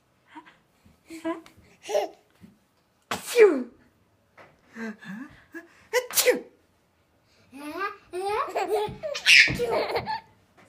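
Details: A young child imitating adults with playful fake, pretend sneezes between bursts of laughter and talk during play; these are simulated sneezes, not real ones.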